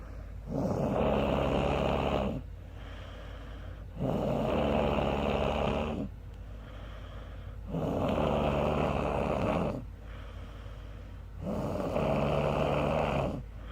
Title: My Sister Snoring Really Loud On The Couch While Taking A Nap